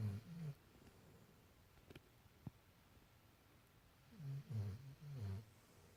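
Soft, low rumbling snores in short bursts with quiet pauses between, in a quiet room.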